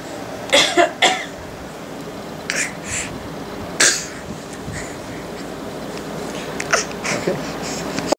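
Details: A nine-month-old boy imitates his grandmother's coughing with a series of short, breathy, playful cough-like bursts: imitated cough.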